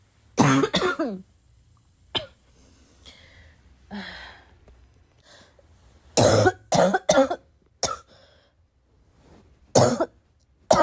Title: I have a bad cough